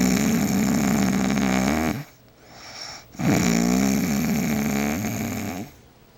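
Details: Two long, loud, rough inspiratory snores separated by a short quiet pause, from a sleeping girlfriend who says she doesn't snore; heavy snoring.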